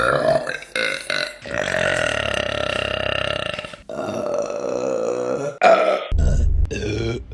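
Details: Compilation of deliberate female burping: several long, loud, rumbling burps with brief pauses between them.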